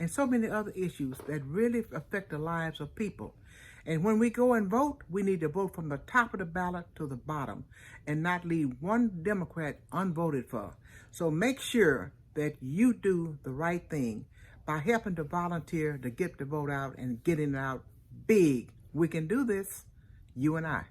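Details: Adult speaker; ordinary speech.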